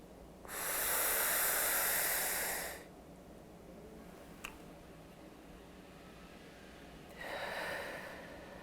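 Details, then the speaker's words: Demonstration of an Ellipta dry-powder asthma inhaler: after exhaling away from the device and sealing the lips on the mouthpiece, one slow, deep hissing inhalation of about two seconds, then a breath-hold and soft exhale. "breathe in slowly and deeply and hold your breath for up to 10 seconds or as long as comfortably possible"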